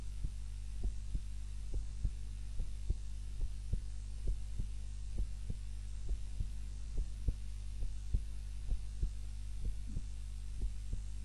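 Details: Own heartbeat recorded on a timer during a nap, lying on the back (supine) rather than the usual prone position: regular, soft paired heart sounds at about 68 a minute over a steady low hum. Normal resting heart sounds.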